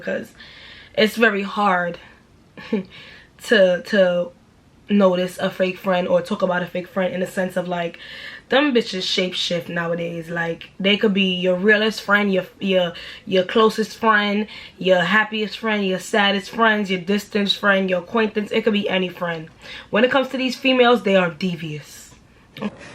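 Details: Stuttering in an adult woman with a self-reported speech impediment of fast speech and stuttering, which she notices mainly when she stumbles over words.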